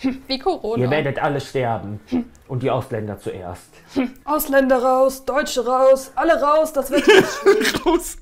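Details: Person with Tourette syndrome in a German-language Tourette highlights excerpt; vocal tics (Tourette syndrome).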